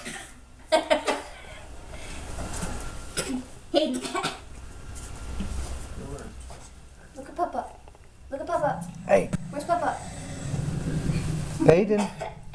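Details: Infant aged 5½ months: several short, deliberate throat-clearing coughs between soft babbling sounds; voluntary fake cough.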